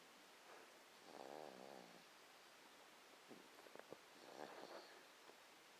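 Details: 3-month-old baby boy snoring softly: fluttering, buzzing breath sounds with small snorts between them, in a quiet room.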